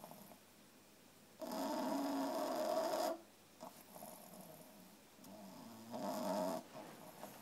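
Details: 3-month-old female French Bulldog puppy asleep, tired from playing all day: rough, fluttering snores on breaths in, separated by quiet breaths out. Snoring.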